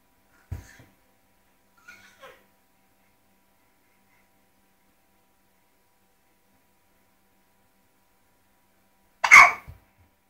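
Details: Hiccups: a few short, abrupt catches of breath separated by long quiet gaps.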